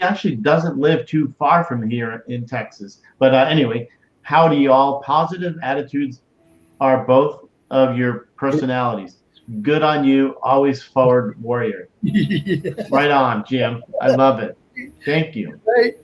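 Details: Adult man; Normal speech.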